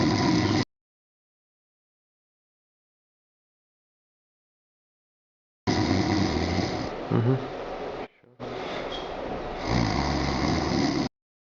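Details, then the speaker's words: Simulated snoring on request, not real sleep: harsh, low rumbling snore sounds with gaps of silence; snoring. "Давайте, храпите."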